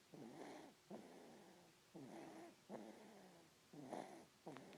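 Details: Sleeping baby snoring: soft rattling snores with each breath, roughly 30 breaths a minute, in a quiet room; infant snoring.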